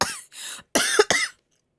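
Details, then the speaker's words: Young woman with a cold and persistent cough; four short harsh coughs in quick succession. "다른 건 다 괜찮은데 계속 기침 기이 계속 나서 만 안 나면 [음악] 괜찮은데"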